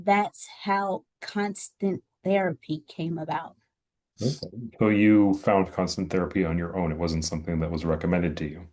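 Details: Two adults in conversation; ordinary speech.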